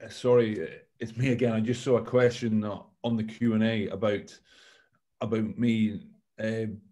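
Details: Stammering in an adult male former rugby captain, speaking on a panel.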